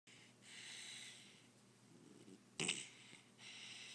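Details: Ice-blue Doberman dog snoring while asleep: soft airy breaths with one brief snorting snore, light snoring.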